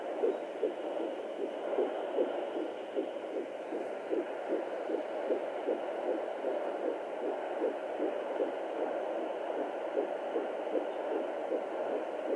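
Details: Fetal heartbeat at 14 weeks of pregnancy: rapid, regular whooshing at about 154 beats a minute over a steady background hiss.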